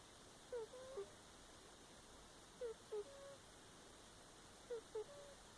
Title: Lillani's Cat - wheezy snoring